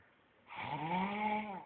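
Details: Snoring from a sleeping man.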